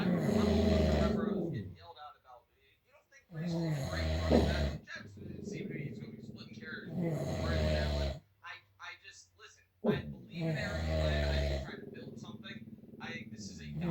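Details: Husband who denies snoring, recorded asleep: loud, deep, rattling snores on each breath, about 18 breaths a minute, with quieter sputtering sounds between them.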